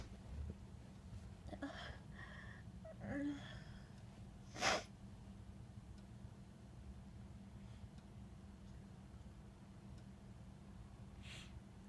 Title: More Sneezes in Bed